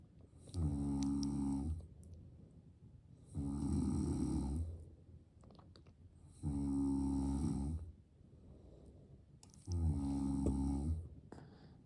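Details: Adult father asleep beside his baby: four loud, rattling snores about 3 seconds apart, roughly 20 a minute, with quiet breathing out between them; ordinary snoring during sleep.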